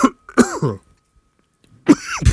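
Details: An adult, in an interview setting, gives short throaty coughs and throat-clearing bursts, with a brief pause between groups.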